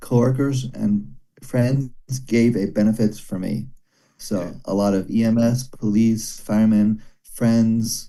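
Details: Broca's aphasia in a male former paramedic after a stroke during heart valve surgery about 17 years earlier, with early arm and leg weakness. He understands speech but finds speaking very hard, and still has daily speech therapy.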